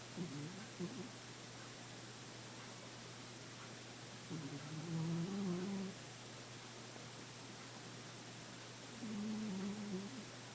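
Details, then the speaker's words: Snoring in a sleeping male cat: soft, low, whining snores every few seconds over steady room hiss. "He's really snoring tonight"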